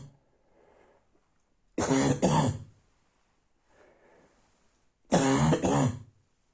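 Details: Barking cough at night: two bouts of harsh, low, double coughs, each after a quiet breath in.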